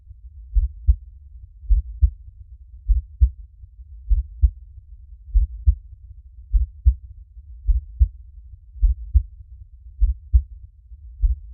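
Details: Relaxing heartbeat recording, normal heartbeat: a steady, regular, deep low-pitched lub-dub at about 50 beats a minute, with no background noise.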